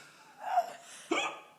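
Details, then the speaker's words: Male with persistent hiccups he can't stop despite lying down and drinking water, describing his muscles as spasming; two short, abrupt, jerky catches of breath with a voiced 'hic' quality against quiet room noise: hiccups. "this is the way i hiccup the most dramatic gay people it's like it's like a broncos bucking except for like you feel good for a couple seconds like hey i'm not hiccuping again and there it is"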